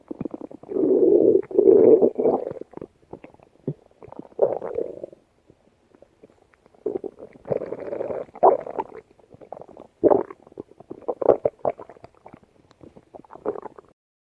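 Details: Stomach growling (borborygmi): gurgling, rumbling bursts that come and go with short quiet gaps, from gas and fluid moving through the gut.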